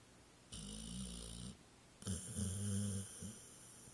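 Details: A sleeping Pit Bull snoring: two low, fluttering snores, the second louder and longer, with a hiss of airflow.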